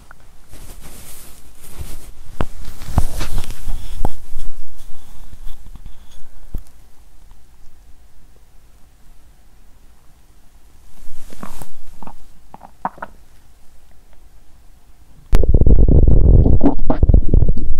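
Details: Soft clicks and brief gurgles from a woman's abdomen amid handling noise, ending in loud rubbing; her abdomen is still rumbling after period-related (day two) abdominal pain has eased; bowel sounds.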